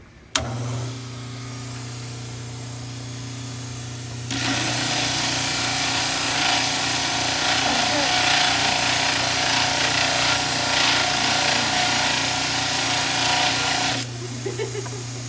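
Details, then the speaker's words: Dental model trimmer: steady motor hum, then a loud grinding rasp for about ten seconds as the plaster base of a mandibular model is trimmed. "So same thing with the mandibular. Do your base first, do your posterior cut."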